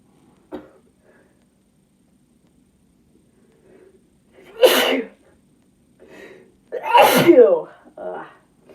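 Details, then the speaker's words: Two loud, explosive sneezes a few seconds apart, each preceded by a soft breath in. A female induces the sneezes by tickling the nose with a Q-tip after taking a sneeze-inducing (chhinkni) substance. "Damn. All right, I'm going to induce with a Q-tip for a little bit now."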